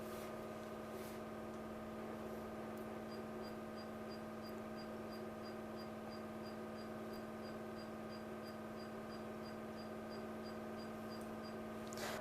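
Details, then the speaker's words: Diode laser hair removal machine firing trial shots on a man's shaved face coated with cooling gel, during a treatment demonstration: steady machine hum with faint, regular ticking pulses. "okay now we take a couple of trial shots i will see how it turns out to"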